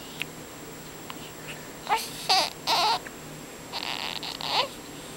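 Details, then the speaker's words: Two-day-old baby girl with hiccups, which she gets two or three times a day: several short, abrupt catching sounds and brief squeaky vocal bursts in a quiet room; infant hiccups. "has the hiccups. Hiccup girl. She always had a hiccup."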